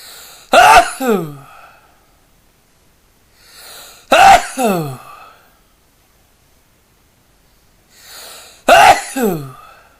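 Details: Induced sneezes: three loud sneezes about four seconds apart, each with a quick in-breath before the explosive burst and a falling voiced tail; sneezing.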